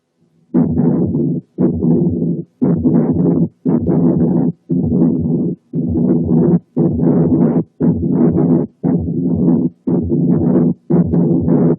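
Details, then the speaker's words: Pericardial friction rub, typical in timing though not in quality: loud, rough scratchy bursts fill nearly the whole cardiac cycle at about 58 a minute, unrelated to any single phase. "ده بيبقى بيريكارديال راب. هنسمع دلوقتي راب، وإن كان مش تيبيكال في الكواليتي لكن تيبيكال في التايمينج."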